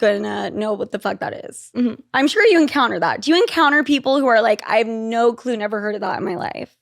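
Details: Adult woman speaking; typical speech.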